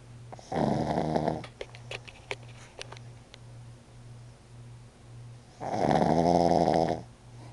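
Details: Snoring in a sleeping pug at night, two loud, rattling snores a few seconds apart with quieter snuffling breaths between; the owner says this is why he sleeps downstairs.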